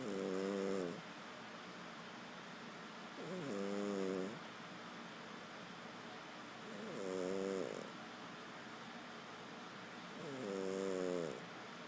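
Steady, buzzing snores about 17 a minute, each lasting about a second, with quiet pauses between; snoring during sleep.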